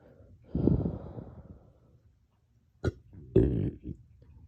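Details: Hiccups combined with belching (painful hiccup-burps) after a dog walk and drinking water too fast, felt as chest pain and short-lived: a low drawn-out belch, then a sharp hiccup catch and a second throaty burp.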